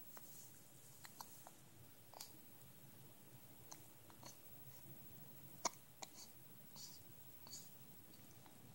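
Soft, sharp, brief catches recur at irregular intervals over quiet room noise, fitting hiccups.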